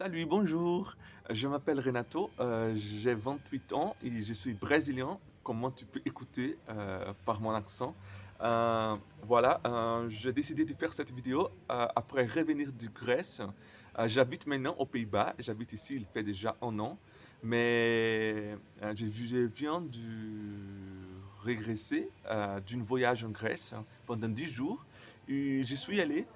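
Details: Stuttering in a male speaker, speaking French, who says his stutter often involves silent moments.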